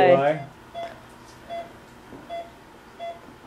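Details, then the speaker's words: Patient monitor in recovery after wisdom teeth removal, blood pressure cuff inflating: soft beeps about every three-quarters of a second in a quiet room after a voice; patient monitor beeping. "that beeping noise coming from over there is that your heartbeat it's from that you want that blood pressure it's your blood pressure yeah"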